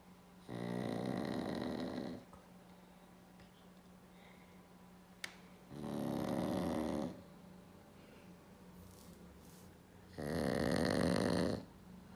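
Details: Black pug sleeping at New Year: three loud, rough snores about four seconds apart, each a long buzzing inhalation with quiet pauses between; snoring.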